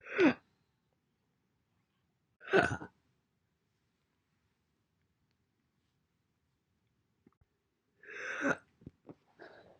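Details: Several short, abrupt vocal gulps separated by silences, then a small cluster of sounds; single hiccups from a compilation recorded January–April 2021.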